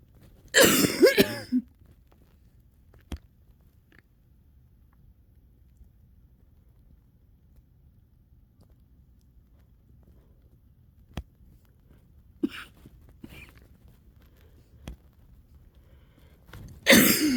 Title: lungs starting to clear (wet cough)